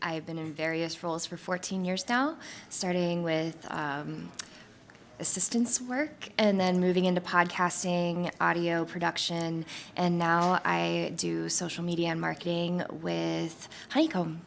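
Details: Adult woman speaking; ordinary speech.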